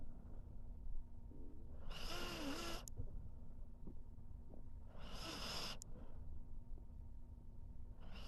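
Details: Sleeping pet dog: two hissing, rasping breath noises about three seconds apart over steady low room hum; snoring.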